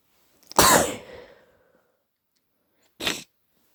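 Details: One forceful self-induced sneeze with sharp explosive burst and trailing exhale, then a brief sniff or snort; adult woken at 3am with badly blocked nose and headache, sneezing to ease pressure.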